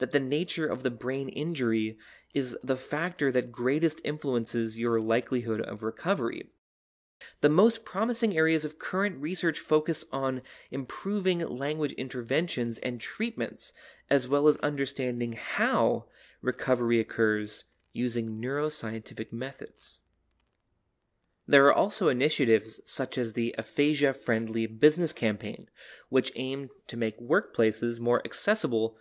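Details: Adult male narrator; normal fluent speech.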